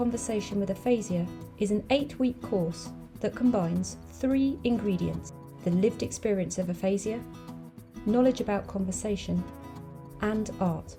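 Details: Adult woman speaking; normal fluent speech.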